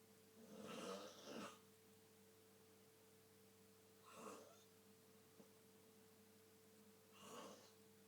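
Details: Faint, rough breathing noises every few seconds over a steady hum, from a father snoring in his sleep.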